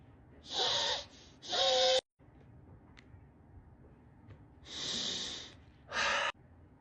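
Loud, harsh, hissing breaths through the nose, some with a snorting, whistling edge, in an irregular pattern.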